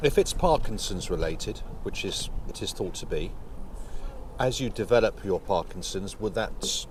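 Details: Adult male speaker, outdoors; Typical speech.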